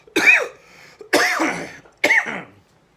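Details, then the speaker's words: An adult man who smokes gives three harsh, throaty cough bursts, which he calls a smoker's cough. "It's a smoker's cough. I am a smoker. You guys know this."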